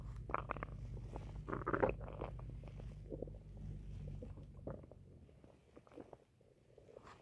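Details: Low gurgling and rumbling bowel sounds with bubbly pops: ordinary stomach growling (borborygmi).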